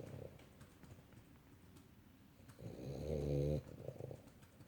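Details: A sleeping small dog that snores often gives a single low, rattling snore, with quieter noisy breathing around it. Snoring.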